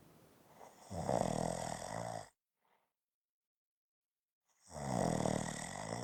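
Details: Two loud, rough, buzzing snores separated by a silent gap; ordinary snoring.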